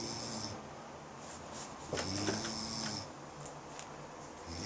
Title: me snoring xaxa